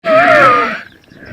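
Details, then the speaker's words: Inspiratory stridor: a harsh, rattling, turbulent breath sound produced by upper airway obstruction. "This is called as strider. Strider means a rattling or a harsh turbulent sound which is produced by an obstructed airway. And this airway is the upper airway."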